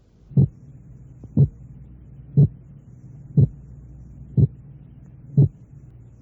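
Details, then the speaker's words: Recorded (Merck) teaching demonstration of heart sound splitting, each sound split into two components 0.06 seconds apart, about 60 a minute; split heart sound. "primero tenemos un ruido [Música] único ahora el intervalo de 2 centésimos de segundo enseguida la separación de 4 centésimos de segundo"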